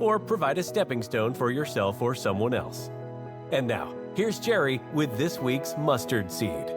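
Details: Adult male speaker with background music; ordinary fluent speech.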